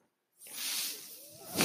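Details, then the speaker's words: The speaker's own mechanical ventilator, heard while he talks on a podcast: a steady airy hiss of pushed air rises, eases, then swells again through the breath cycle. "okay my name is noisier he's my ventilator"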